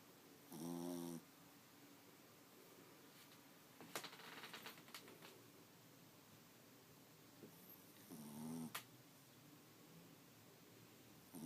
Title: Snoring doggies